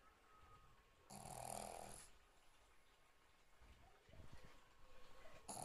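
Loud snorting snore from a small flat-faced dog, followed by quieter fluttering breaths before the next snore begins.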